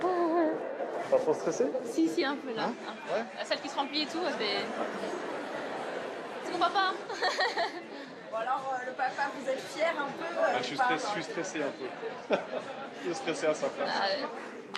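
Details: Adult French woman, a triathlete, stuttering since early childhood, with particular difficulty on the letter R, certain numbers, syllables and consonants; real, not acted; stuttering.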